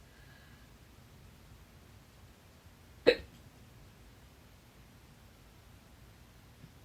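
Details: A single sharp, loud hiccup with abrupt throat closure, from a stubborn bout of fast hiccups lasting 30 minutes, blamed on too much salsa; breath-holding failed until the fourth try.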